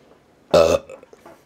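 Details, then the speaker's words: A burp pushed out after feeling it climb up the throat: a single loud, low, voiced belch lasting about a third of a second, followed by faint breathing. "See, there you go. That was climbing up my throat. I could feel it right there and it finally came out."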